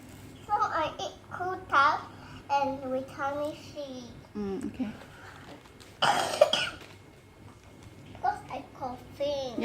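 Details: 3-year-2-month-old girl vocalizes playfully, then gives a short forced pretend cough before babbling again; voluntary cough.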